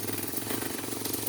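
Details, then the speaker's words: Steady buzzing motor hum with a fast rattling pulse from a Duraneb 2 piston-type nebulizer compressor being test-run after repair of a no-power fault, pumping air. "Nahangin na. Yun lang siya ang pinaka pinakacompressor niya."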